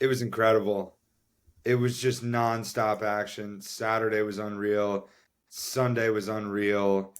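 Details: Adult man speaking; typical voice.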